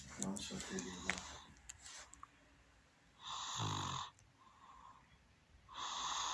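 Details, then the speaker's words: A sleeping woman snores: brief talking, then a loud rattling snore on one breath and the start of another noisy breath. "para você ver que o ronco é normal e a gente tem que aceitar isso."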